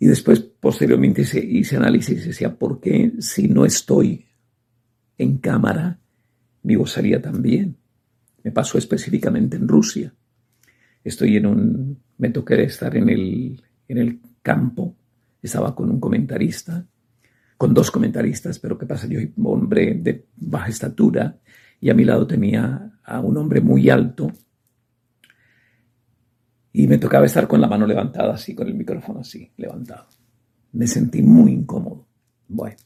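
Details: Adult male sports broadcaster with spasmodic dysphonia diagnosed November 2018, treated with botox injections, the latest on 5 December 2025; he says his voice is at about 50%; spasmodic dysphonia.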